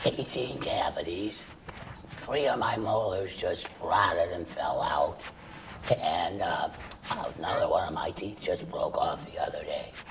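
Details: Adult male laryngeal cancer survivor after chemoradiation then total laryngectomy, breathing through a stoma, speaking with a tracheoesophageal puncture voice prosthesis; tracheoesophageal speech after total laryngectomy.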